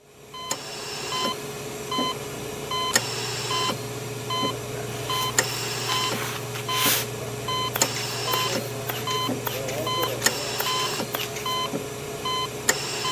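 Electronic hum with repeated short monitor beeps and rhythmic whooshing machine cycles, typical of intensive care equipment; a sound-effect recording.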